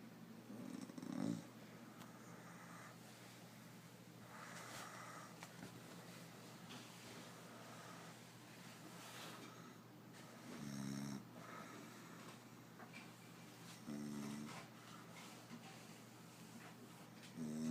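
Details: A sleeper snoring: soft, low snores about every three to four seconds over a steady room hum; quiet snoring.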